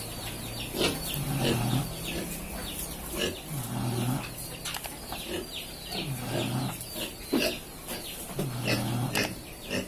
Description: check this the sounds of piggy snoring